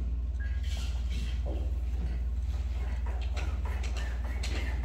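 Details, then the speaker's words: LUCAS-CPR mechanical chest compression device in a demonstration, running in 30:2 mode (30 compressions, warning, 5-second pause, restart), each compression going two inches deep: steady rhythmic mechanical thumping with a motor hum. "so it's going to compress 30 times it's going to give me a warning that it's going to stop it'll stop for five seconds and then it will go again"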